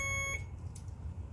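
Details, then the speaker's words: Alaris IV infusion pump running a primary line from a 1,000 ml bag programmed to 980 ml, just after start: a brief steady electronic occlusion alarm, indicating a blocked or still-clamped line, then room noise. "If that happens, it's saying occluded. I just say restart."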